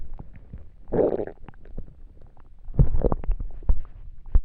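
Two bursts of low gurgling with scattered pops and clicks from the belly, ordinary stomach rumbling during digestion.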